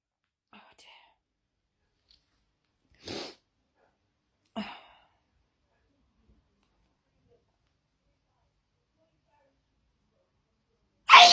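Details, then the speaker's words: Sneezing fit of unknown trigger, with more sneezes before recording: a few short, sharp sneezes spaced by quiet pauses, ending in a louder one. "Oh dear, it just goes on and on. Oh. Oh. There's more, but I have to go to work."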